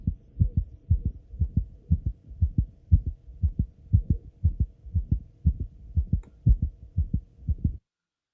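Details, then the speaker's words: Veterinary pre-surgical exam teaching example: regular heartbeat around 59 a minute with a very faint extra sound, hard to hear, presented as a small arrhythmia or very faint heart murmur. "¿Qué pasaría si hay, por ejemplo, una pequeña arritmia o algún soplo muy, muy tenue? Acá no van a escuchar mucho, es muy, muy tenue esto que viene ahora."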